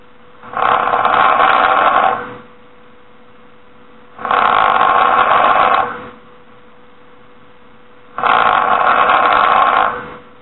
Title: This is how snoring sounds like and This is how it looks like